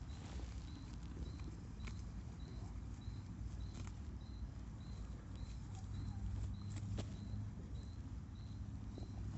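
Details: Steady low rumbling and gurgling from a horse's belly, with a faint repeating high chirp in the background; normal gut sounds (borborygmi).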